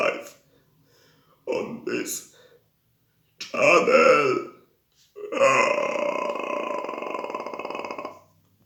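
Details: Person who says they have a voice problem burping: a few short voiced burps, then an extremely long, sustained rumbling belch lasting about three seconds.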